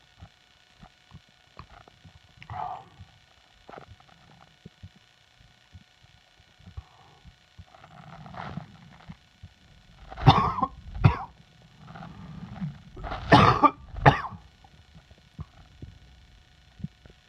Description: More of the summer chest cold...enjoy!!